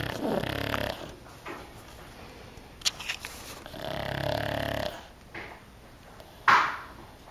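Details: Two long, loud rattling breaths with quieter wheezy breathing between and a sharp snort near the end from a sleeping pug: loud snoring.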